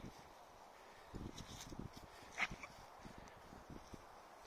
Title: sneezing